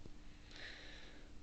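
A single brief nasal sniff, an adult's imitation of a sniffing vocal tic from Tourette syndrome.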